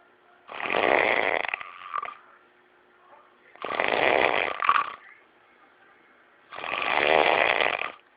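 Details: Loud, harsh, buzzing snores, three in eight seconds, each about a second long, with short snorts and quiet gaps between: heavy snoring.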